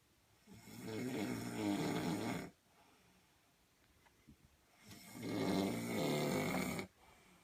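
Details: Two long, loud rattling snores, each about two seconds, separated by quiet exhalation: typical snoring during sleep.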